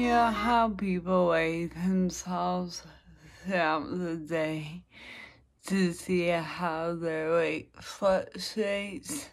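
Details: Woman with dysarthria, recorded in the afternoon after lunch while documenting how her speech changes through the day with practice, energy and mood; dysarthria.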